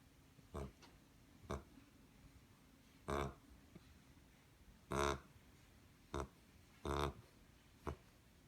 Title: snore